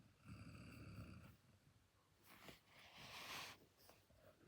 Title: Basset Hound snoring ❤️😴 (turn up volume)